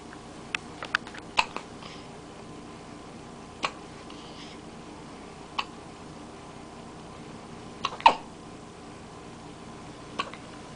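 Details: Brief, sharp hiccups recurring at irregular intervals over about ten seconds, some in quick clusters, over faint fan noise: hiccups.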